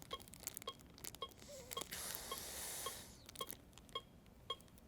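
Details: Adult cardiac arrest AED training scenario: after a shock is delivered, steady metronome beeps of about 110 a minute pace CPR chest compressions in cycles of 30, with a rustling pause for 2 rescue breaths through a one-way valve shield.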